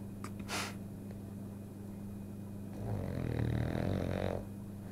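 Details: French bulldog snoring while asleep and dreaming, funny snore with odd snorting sounds; snoring.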